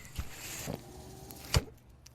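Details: Two soft mechanical thumps with a faint steady motor hum between them, from the speaker's own running mechanical ventilator.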